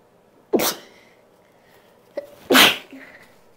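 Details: Female with deliberately induced sneezing: two sharp, explosive sneezes about two seconds apart, with a faint breath between them.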